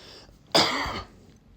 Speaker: I didn't sneeze. It wasn't a sneeze, it was a cough.